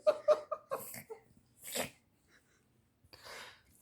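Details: A dog gives a run of short, harsh hacking bursts and snorting breaths, a coughing or choking spell, possibly a learned trick; the dog seems fine afterwards.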